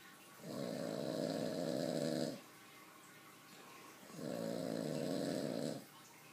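Two long, rough, rattling snores on breathing in, each about two seconds, separated by quiet breathing out; ordinary sleep snoring.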